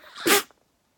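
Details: Person stifling a sneeze: a short inhaled buildup, then one muffled, breathy burst; stifled sneezing.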